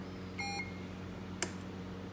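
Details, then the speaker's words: Short electronic beep and click from a Puritan Bennett 560 non-invasive ventilator as ventilation is started, set to CPAP 4 cmH2O, in a quiet room with low device hum. "Ahí empieza la ventilación y para dejarlo en pausa, mantengo acá."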